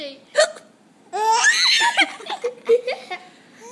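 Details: Mother's hiccups with her baby laughing: short, abrupt adult hiccup sounds with the baby's laughter in between; hiccups.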